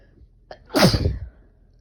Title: Desperate itchy sneezes